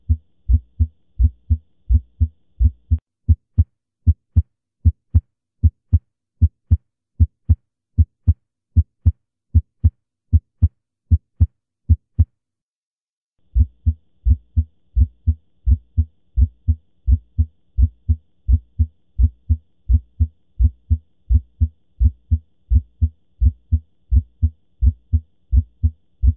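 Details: Teaching recording of heart sounds: regular rhythm at about 86 beats a minute, first heart sound split into two close components with a brief pause midway, a split first heart sound.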